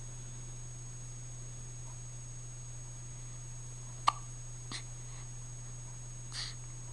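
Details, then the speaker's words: Infant girl awake at 1:30 a.m.: a few soft, abrupt hiccup sounds over a steady background hum in a quiet room; infant hiccups. "Good morning, little girl. It's 1:30 in the morning, and look who's wide awake. With the hiccups, no less."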